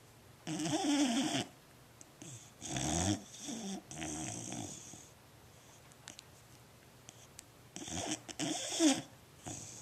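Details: Fostered female boxer dog, asleep, snoring loudly: several noisy rattling breaths with gurgling and snorting, typical of a short-nosed breed.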